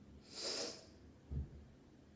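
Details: Single sneeze or snort, described as a "standing head sneeze": one forceful, hissing nasal burst of air, then a low thud.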